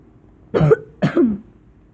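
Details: Two short, voiced, somewhat throaty coughs in quick succession in a quiet room, from someone talking while playing a video game; cough.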